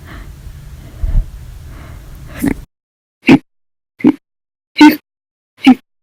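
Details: Persistent hiccups after meals and a cup of soda after dinner, lasting 13 hours 20 minutes: short, abrupt, forceful gulping catches about every second, five in a row, after brief background noise.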